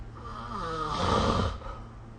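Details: Snoring during sleep recorded with the SnoreLab app: one long, rough, rattling snore on a breath; snoring.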